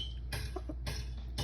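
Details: A large cat gives three short, sharp gulping bursts about half a second apart; the owner calls it hiccups but also wonders about an asthma attack, and the cat seems unwell: hiccups.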